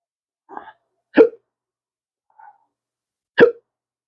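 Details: Adult man with chronic hiccups: abrupt, sharp hiccups about two seconds apart, each with a faint catch of breath.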